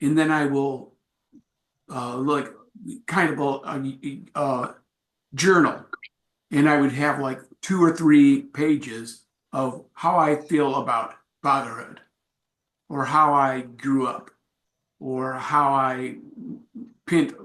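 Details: Adult male with aphasia acquired from a traumatic brain injury in a bike accident without a helmet, followed by about a month in coma; about four and a half years post injury; real speech at an aphasia support group.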